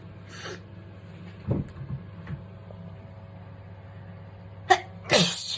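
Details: A few small nasal bursts, then two forceful sneezes close together at the end, heard over a low room hum during a skincare routine.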